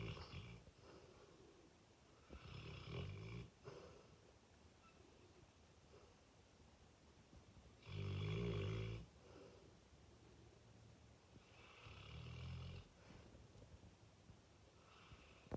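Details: Fully grown male Fox Red Labrador snoring loudly while sleeping, often waking himself: loud, low, rumbling snores, three in about 15 seconds, in a quiet room.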